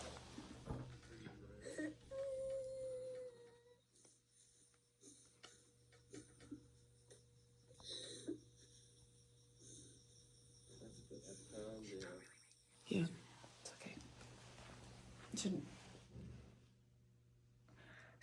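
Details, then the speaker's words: Simulated pediatric croup scenario: a seven-year-old girl in respiratory distress, breathing rapidly with substernal retractions. Noisy breathing with high-pitched inspiratory stridor. "she seems to have it was hard to see in the video but there was substernal retraction as well as Strider on inspiration"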